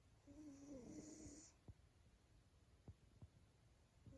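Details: Male Maine Coon cat snoring: one soft, whistling snore on a breath, then faint clicks and quiet room noise.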